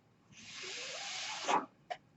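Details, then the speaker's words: A steady airy hiss lasting about a second and a half, then a brief click: one breath from the speaker's own mechanical ventilator, heard while he talks on a podcast. "my name is that noise earrings my ventilator and thank you for tuning in to Page sternest they were not my story podcast"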